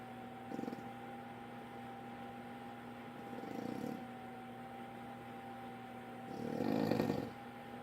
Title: My Dad snoring really loud, Making funny noises and he farts.